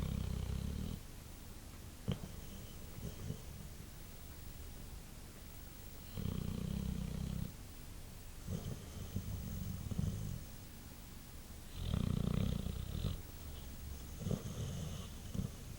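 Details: White boxer dog asleep after a long day: low, rumbling snores on each breath in, with snorts and a noisy background; snoring.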